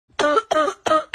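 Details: Comedic acted cough from a cold: three loud, voiced cough bursts in quick succession.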